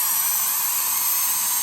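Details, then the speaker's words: Steady high-pitched whirring of a slow-speed dental handpiece removing decay found under old filling material during a crown preparation, with a Dry Shield keeping the field dry. "so now I'm going to do slow speed and I'm going to remove the decay"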